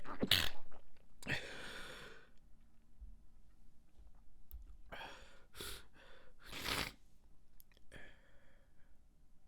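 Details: Stifle sneeze fit: about five muffled, held-in sneezes, each a short choked burst of air through the nose with quiet breaths between, suppressed so no one in the next room hears.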